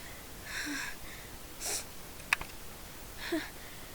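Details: A few brief sharp sneezes in quick succession, part of a run of about thirty consecutive sneezes.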